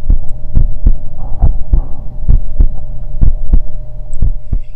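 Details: Regular paired heart thumps, about 70 a minute, heard through a telehealth kit's integrated filtering stethoscope placed at the heart position during a remote care-home examination, with a faint steady hum behind; heart sounds.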